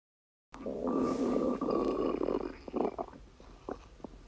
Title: stomach rumbling 4